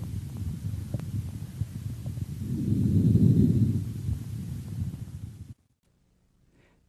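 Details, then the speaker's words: Lung auscultation in a healthy person: normal vesicular breathing, heard over all lung regions other than the larynx, trachea and their projection areas. "у здорового человека ларинготрахеит можно выслушать на гортани и трахеи и в местах проекции информации трофей другую клетку над всеми другими отделами легких выслушивается везикулярное дыхание"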